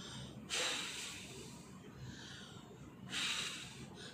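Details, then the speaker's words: Two strong forceful exhalations through pursed lips, separated by quieter breaths: a paper-blowing exercise demonstrated by a physiotherapist as chest physiotherapy to strengthen breathing against COVID-19. "आप एक छोटा सा paper ले सकते हैं पतला कठिन पेपर लेना है और उसको थोड़े से सीड कि इससे रखना है और उसके बाद इसको पेपर को फूंक मारते हैं तो जितना ज्यादा वह पेपर रिमूव करेगा और दूर जाएगा"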